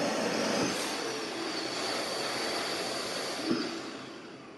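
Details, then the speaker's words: Steady airflow rush from an ABMRC BiWaze Cough mechanical insufflation-exsufflation device in automatic mode, ending with a brief pressure shift as therapy finishes, in a configuration demonstration. "donde vamos a programar cada ciclo corresponde a un tiempo de pausa inhalatoria y exhalatoria. Si yo coloco dos ciclos, vamos a tener uno y el segundo."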